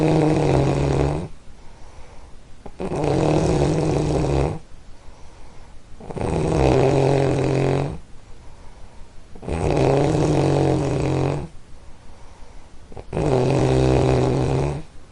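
Loud, rattling snores on each breath about every 3 seconds, roughly 20 breaths a minute, with quieter fluttering breath between.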